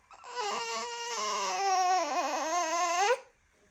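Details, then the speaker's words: Young child gives a single sustained wavering, rising-pitch cry, then stops, protesting ear cleaning with a vacuum ear wax remover though not hurt; infant cry. "Oh, I don't want to make you cry. Yeah. But I'm not hurting him, you guys. He just don't want me doing it."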